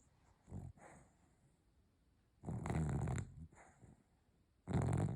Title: Blue snoring